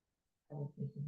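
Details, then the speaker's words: A male pet dog, in the owner's care for six months, sleeps in the background. After a brief silence he gives a deep, rumbling snore in three quick pulses, loud in a quiet room. "snoring away in the background. What a dog's life."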